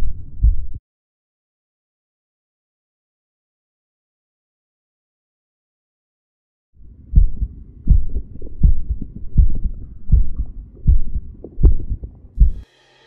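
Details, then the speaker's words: Person's own normal heart sounds, self-recorded with a homemade electronic stethoscope (stethoscope head with a microphone): regular low thumps at about 80 per minute with paired S1 and S2. "В этом видеосюжете мы попытались показать, что можно записать, а потом прослушать и даже просмотреть звуки собственного сердца с помощью стетоскопа и микрофона."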